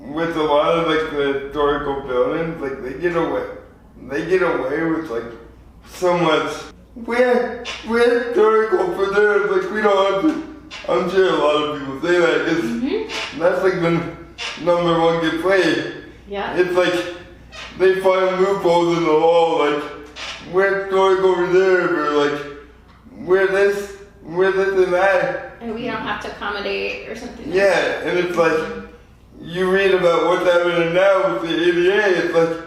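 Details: 24-year-old man with lifelong spastic quadriplegic cerebral palsy from premature birth at 2 lb 4 oz; dysarthria (cerebral palsy).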